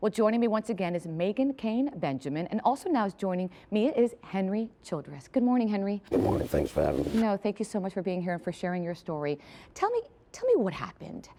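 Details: Adult women and a man in conversation; normal speech.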